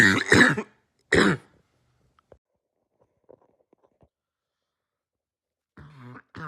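Two harsh, abrupt cough bursts followed by quiet, then faint voice sounds; a barking cough.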